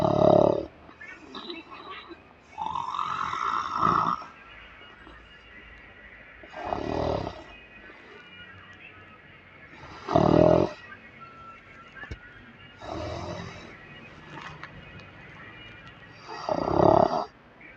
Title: SNOORING BE LIKE #funny #snoring